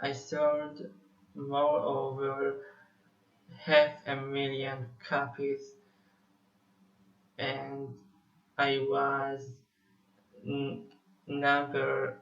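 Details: Stuttering in an adult male Israeli musician who says he has stuttered for almost 21 years.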